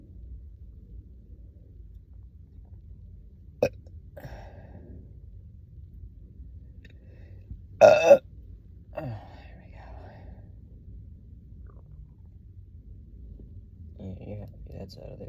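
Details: A short, loud burp with faint throaty sounds around it, after chugging a soda on an empty stomach all day, amid stomach gurgling and bloating; belching (eructation).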